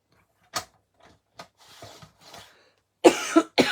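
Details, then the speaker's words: Adult woman coughing while talking during a live craft video: a few short coughs and throat-clearing sounds, ending in two louder, harsher coughs. "Aussitôt que je parle, on dirait que je tousse."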